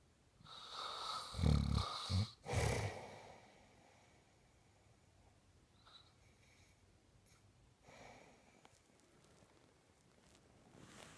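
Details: A few loud, low rumbling snore bursts with a snorting catch, then quiet breathing in a small room; a husband snoring at night, keeping his partner awake.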